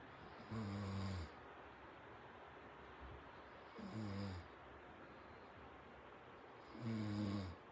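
Three slow, low rumbling snores about 3 seconds apart, roughly 19 a minute, over steady room noise; a sleeping dog snoring.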